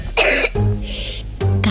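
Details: Two or three short, harsh cough bursts from a child, acted in a cold-and-cough medicine advertisement, over soft background music. A plain cough.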